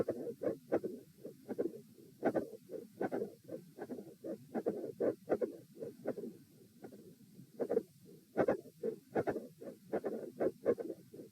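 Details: Heart sounds at auscultation position A in a repeated consistency stress test: the subject is lying 5 s, sitting 1:45, standing 1:30, then lying 1:19, with a mid-systolic click and a fixed split S2.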